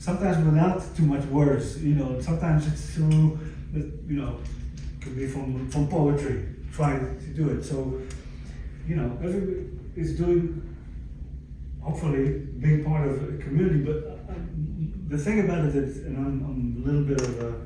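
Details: Adult stroke survivor with aphasia from a stroke about 11 years earlier, speaking in a chronic post-stroke recovery phase; finding: aphasia.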